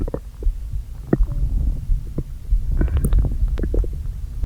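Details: Stomach noises after not eating all day, with the stomach deliberately inflated a little: low, hollow groans and gurgles as air shifts back and forth in the empty stomach; borborygmi.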